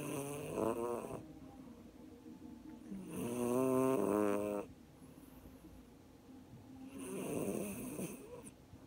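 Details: Slow, loud, buzzing snoring breaths in and out, about three over nine seconds: snoring.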